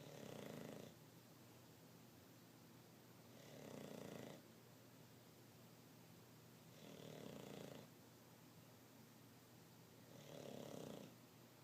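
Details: English bulldog sleeping and snoring: four slow, rumbling snores about every three and a half seconds, roughly 17 a minute, with quiet breathing between.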